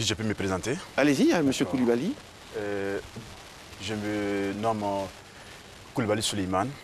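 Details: Adult man who stutters, head of Côte d'Ivoire's national federation for people who stutter, who has had some speech re-education; stuttering.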